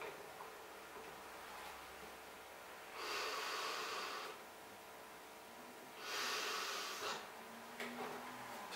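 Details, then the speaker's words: Two long blown rescue breaths a few seconds apart over quiet room noise, given after 30 chest compressions in a CPR demonstration for a person in cardiac arrest with no breathing, repeated until an ambulance arrives or signs of life appear. "Og igen to pust. Sådan bliver du ved indtil ambulancen kommer frem eller der kommer livstegn."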